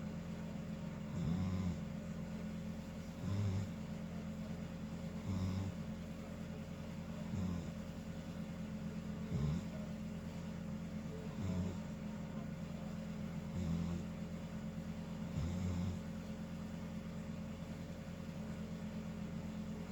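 Low, regular snores about every two seconds, roughly 29 a minute, over a steady background hum.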